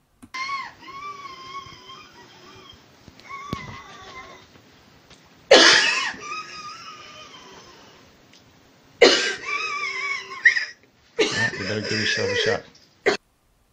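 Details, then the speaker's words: Woman in severe bronchospasm, possibly allergic/anaphylactic, before epinephrine: long, strained, whistling in-breaths broken by short harsh coughs; she cannot fully exhale, so air trapping and breath stacking occur. "you can hear her inspiration is much longer than our expiration because she cannot fully exhale air is beginning to stack up in her lungs making it harder and harder to get her next breath in"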